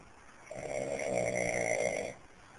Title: snoring slap !!!